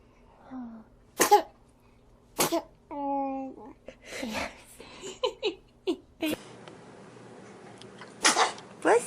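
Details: Baby sneeze compilation: several small, sharp infant sneezes with soft voices and a brief cry in between; ordinary baby sneezing.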